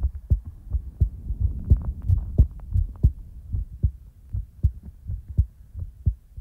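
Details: Soft, deep, regular thumps over a low rumble at about 70 to 80 beats a minute, recorded up close for ASMR in real time; normal heartbeat.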